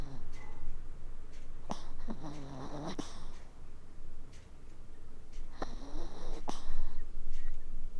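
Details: Sleeping Maltese puppy snoring, also hiccuping: soft rhythmic snuffling breaths with two brief squeaky whistling breaths over a steady low background rumble.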